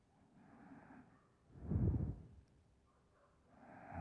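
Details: Loud, low, rattling snoring from a woman, with quiet breaths alternating with a rumble on one breath; she calls her snore very hard; snoring.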